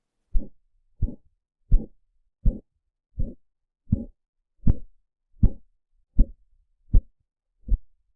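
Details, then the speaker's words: Simulated Korotkoff sounds on an auscultation simulator, heard through a stethoscope with simultaneous pulse palpation during blood pressure measurement: regular soft tapping beats at about 79 a minute. "you can feel the pulse from one side as long as you can listen to the kratkov sounds"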